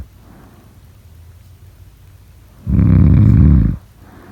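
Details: A single loud, deep, rattling snore lasting about a second after a quiet stretch; snoring during sleep.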